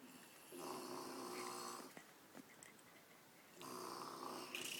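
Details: An elderly woman (a grandmother) snoring: two long, raspy, rattling breaths with a quiet gap between them; snoring.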